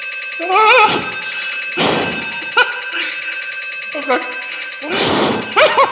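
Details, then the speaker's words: Participant in an MRI scanner being tickled during a laughter study: rapid, buzzing, rhythmic scanner noise throughout with bursts of genuine tickle-induced laughter over it; MRI scanner noise during imaging. "donc on a mis des participants dans le scanner et on laisse à chatouiller vous allez entendre le bruit du scanner par derrière"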